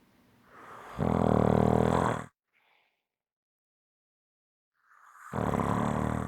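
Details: Heavy snoring: loud, harsh, rattling inspiratory snores, each over a second long, separated by a few seconds of silence.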